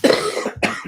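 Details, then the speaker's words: Two short, harsh, dry coughs from an adult man a fraction of a second apart in a quiet room; he thinks the cough is probably allergies. "hear that cough i do i hear it a little bit oh man it's not cold but is it it's on me man you know i feel pretty good i hope not i think it's allergies it probably is"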